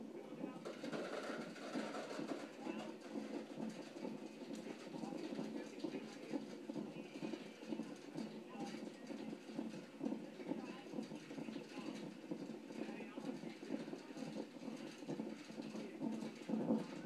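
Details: Fetal heartbeat at 33 weeks of pregnancy on a hospital Doppler monitor during a check-up: rapid whooshing, galloping pulses at around 130 beats a minute.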